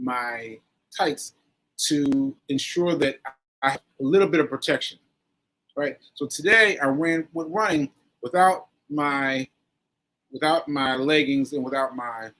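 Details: Adult man with aphasia after a stroke on 7/14/22, recorded about one year later, with fillers and restarts; aphasia with word-finding difficulty.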